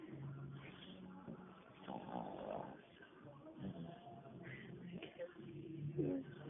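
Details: Sleeping female dog snoring with low, rumbling snore sounds, partly covered by people talking nearby.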